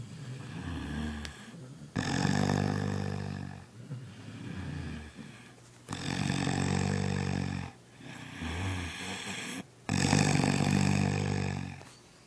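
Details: Adult man (a father) asleep in the living room, heavy snoring: loud, rough, low rumbling snores on each in-breath, about three in twelve seconds, quieter breathing between.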